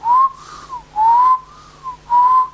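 Three breathy, high-pitched whistles, each gently rising and falling in pitch: a whistled imitation of the musical wheeze heard through a stethoscope.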